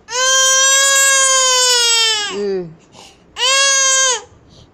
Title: Crying baby